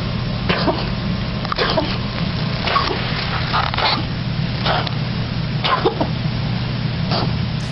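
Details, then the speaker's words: Cat with chronic cough, treated with intermittent Depo-Medrone injections, recorded at home, neck extended, head down: faint run of soft, dry, almost musical coughs typical of feline asthma/chronic bronchial disease. "and as she coughs it's that soft quite dry cough often quite musical almost coughing noise"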